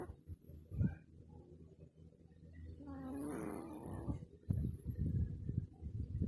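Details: A small Shih Tzu dog's low, rumbling snores, with one longer, more tonal snore in the middle; snoring.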